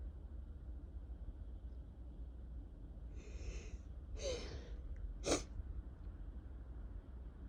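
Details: A quick run of three sharp sneezes over a quiet low hum; repeated spring sneezing, attributed by the person to allergies, alongside a two-week cough.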